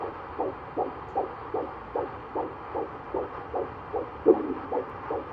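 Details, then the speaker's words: Doctor's Doppler check at a 7-month prenatal visit in a first pregnancy: fast, regular whooshing fetal heartbeat about 150 a minute, normal, with one louder burst as the baby kicks. "Little movement right there. So you see my baby's heartbeat is good."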